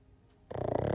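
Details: Pug napping with his tongue sticking out: a brief quiet pause, then a loud, rough, fluttering breath; snoring from a short-nosed dog.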